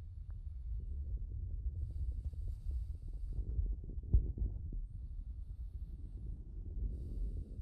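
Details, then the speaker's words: Normal lung sounds through a Littmann CORE digital stethoscope on a fourth-year medical student's own chest: soft, low breath sounds with crackle-like rustles from the chest piece rubbing on the shirt, not true crackles. "so as you can see those really good lung sounds i had the stethoscope on my shirt uh that was the crackles that was just the stethoscope moving on my shirt um i don't have like chf or anything those were not crackles crackles"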